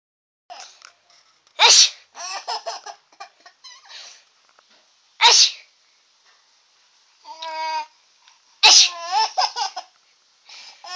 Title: Baby Laughing At Fake Sneeze